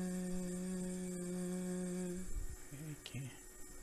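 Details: Adult patient voice during voice examination; Vocal fold polyp (sustained vowel).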